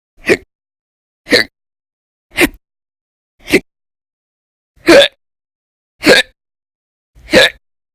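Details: Persistent violent, very loud hiccups (singultus) in episodes lasting about 10–13 hours a day through December 2019, audio only: seven sharp, abrupt hiccups about a second apart, roughly 55 a minute.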